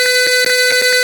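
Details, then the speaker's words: Software simulation of an Arduino-based IV infusion alarm: with the fluid reading below 100 the red LED lights and the buzzer gives a steady, unbroken tone, signaling the fluid is nearly empty. "Kita lanjutkan sampai di bawah 100. Merah nyala, bit nyala terus."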